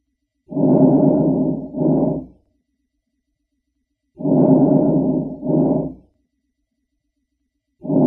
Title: Lung Sounds Vesicular Breath Sounds #veins #blood #Pahalgam #pakistan #kashmir